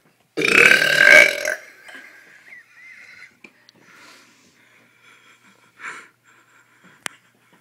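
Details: Girl gives one long, loud, rumbling burp lasting about a second, then quiet small sounds and a click; burping.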